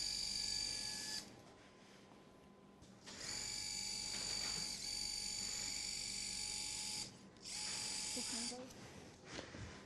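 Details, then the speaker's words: Bursts of high-pitched power drill whine with pauses as a sharp bayonet wire is driven through tibia and fibula at the distal ring, Charcot midfoot reconstruction with external frame, type 2 diabetic with neuropathy. "these bayonet wires are very very sharp and they go through the bone so easily you want to make sure that you're through through tibia and fibula on this"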